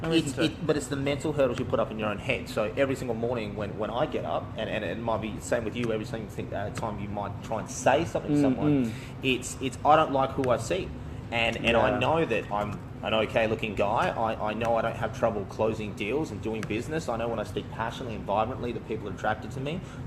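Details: Adult man; speech.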